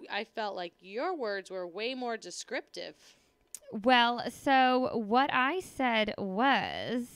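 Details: Adult female speaker; normal speech.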